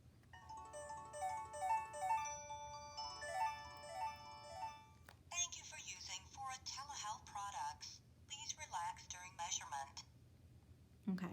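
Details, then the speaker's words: A short chiming startup melody, then spoken voice prompts, as a Pro Voice V9 talking glucometer switches on when a test strip is inserted and guides the blood glucose test. "this is a talking meter so if you have your volume on the meter will guide you through this next process"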